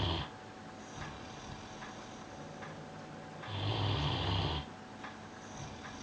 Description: Piran snoozing on his bed....just listen to the snoring...is there any wonder I have my TV on so loud!!